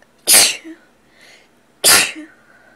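Two sharp, explosive sneezes about a second and a half apart, each with a quick hissing burst and short tail. Ordinary sneezing.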